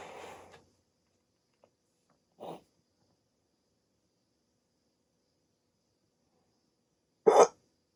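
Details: Adult with sleep apnea, just woken from sleep on CPAP treatment, during a rare 16-minute hiccup attack: short, sharp, abrupt gulping sounds a few seconds apart in a quiet room; hiccups.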